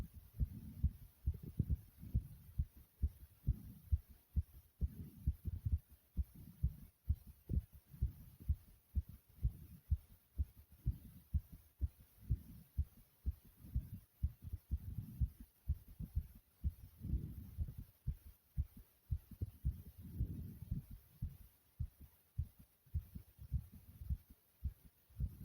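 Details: Rapid, strong heartbeat at roughly 128 beats per minute, racing after exercise, with breathing sounds also present; a fast heartbeat after exercise.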